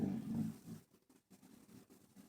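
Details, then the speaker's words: A female dog snoring while lying right beside the speaker during indoor recording. "I apologize in the last video but my dog is snoring if you hear that that's what it is she right here beside me"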